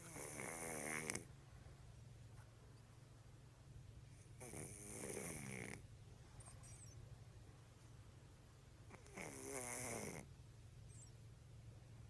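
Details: Sleeping cat, loud rasping snoring breaths about every four seconds, owner says as loud as father's, low room hum; snoring.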